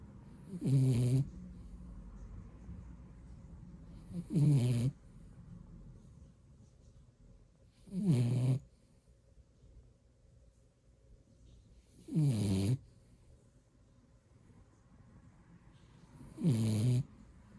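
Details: Blue Beagle puppy napping and snoring: five short, snorting snores about four seconds apart, roughly 15 a minute, with quiet breathing between; snoring.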